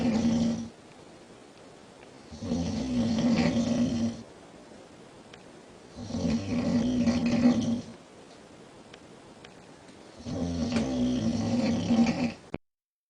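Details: Girl snoring at night with big bubbling sounds: three long, loud, rattling inspiratory snores, about 16 per minute, with quiet pauses between; snoring.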